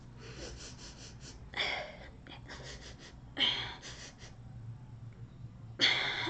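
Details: Adult with Tourette syndrome and OCD, tics resurfacing after weeks of grief: sudden, forceful breathy bursts and quick sniff-like breaths, irregularly spaced; respiratory tics.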